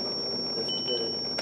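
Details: Steady high tone with repeated beeps: the charged alarm of a Zoll defibrillator set to 75 J for synchronized cardioversion on a training simulator, sounding until the shock is delivered.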